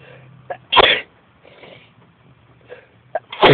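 Two sharp explosive sneezes, each with a brief inward breath before it, over quiet room noise.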